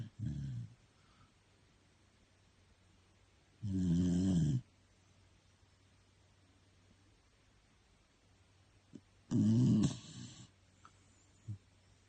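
Three loud, rough snoring breaths spaced several seconds apart, with quiet in between: slow, regular snoring during sleep.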